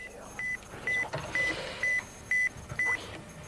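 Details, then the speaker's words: Audiometric test tone for matching a man's tinnitus pitch: six short, steady, high-pitched beeps, about two per second. "donc est ce que votre bruit ressemble à ce bruit là monsieur ses plus bas comme ça c'est mieux ouais ça ressemble à ça"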